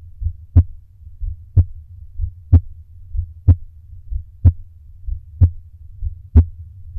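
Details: Slow heartbeat recorded during exhale breath holds to slow the rate: loud, regular paired heart thumps, about 60 a minute, slow but regular rhythm.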